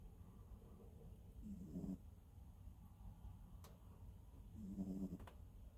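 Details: A cat snoring quietly while asleep: two soft, brief snores about three seconds apart over room noise.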